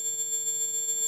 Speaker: fourteen thousand four hundred Hertz is a tone that is more difficult for people over the age of 25